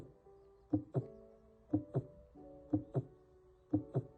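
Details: Normal heart sounds as a baseline for comparison with abnormal ones: regular paired lub-dub at about 60 beats a minute, a normal rhythm.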